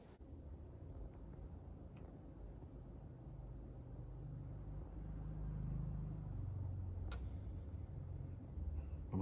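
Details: Omron home automatic blood pressure monitor, cuff on the upper arm, arm resting comfortably: steady low motor hum growing louder and shifting in pitch as the cuff inflates.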